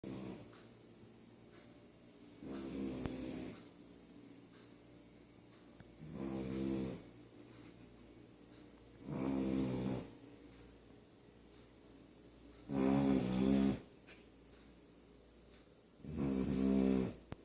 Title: Loudest Snoring Puppy